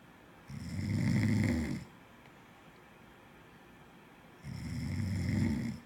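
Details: Two long, loud, rattling low snores from a sleeping person, separated by a quiet pause; ordinary snoring.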